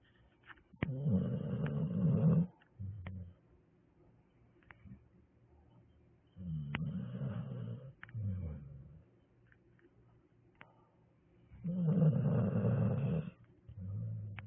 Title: help me snore